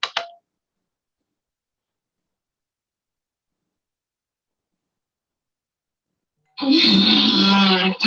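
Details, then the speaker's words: Home video of a child with functional cough: a brief sharp sound, a long silence, then a loud, drawn-out, honking, voiced cough: functional (habit) cough. "And particularly, I'd like you to pay attention to the second one I'm going to show you, because the cough is rather subtle, and you have to watch and listen carefully."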